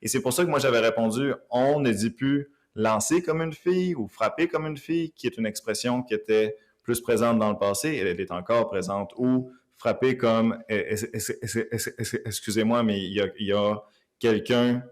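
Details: Stuttering in an adult man who lives with stuttering, speaking Quebec French.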